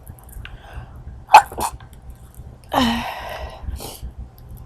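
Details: Sharp explosive burst followed by a drawn-out breathy sound, an adult sneezing outdoors on a warm day; sneeze.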